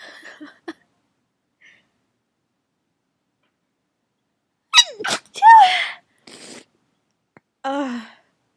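Gasping, catching breaths build up to a sharp sneeze, followed by a vocal exhale and a short trailing sound.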